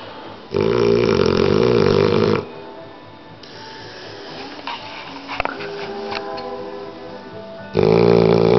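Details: 8-month-old American Bulldog snoring while asleep, very tired: loud, buzzing, rattly breaths with quieter gaps between them, slight background noise.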